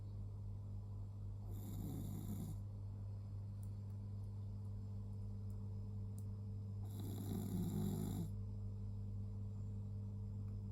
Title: Luna is snoring…..